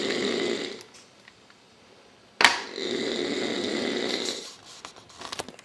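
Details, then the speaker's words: Adult man sleeping overnight, very loud snoring: two long, harsh, rasping snores with a sharp click between them in a small room. "But he's so freaking loud. Who can sleep?"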